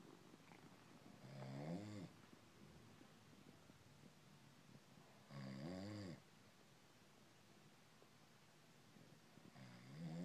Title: Purr and Snore